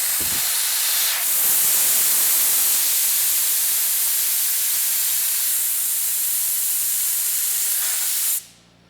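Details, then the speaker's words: Oxygen vented from a portable cylinder on an Invacare concentrator self-fill unit: a steady loud gas hiss for about seven seconds, then an abrupt stop. "give it just a second and we may have filled it up already maybe we did i'm going to blow some oxygen off"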